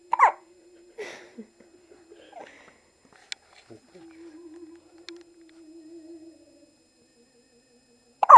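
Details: Infant boy hiccupping during a long bout that continued after he fell asleep: a few short, abrupt catches in breathing separated by quiet spells over a faint steady hum; hiccups.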